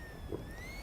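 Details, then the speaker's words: A simulated wheeze from an inflated pig lung demonstrating a smoker's lung with an airway clogged by smoke particles and mucus: a thin, steady, high whistle. "Now, that noise that you hear is wheezing, and it is caused when smoke particles and mucus have clogged an airway,"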